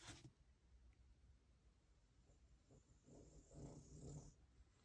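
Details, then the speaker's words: Faint, low rumbling snores from a dog sleeping during hot UK weather (about 28°C), heard in the background over quiet room noise. "Sorry if you can hear my dog snoring in the background."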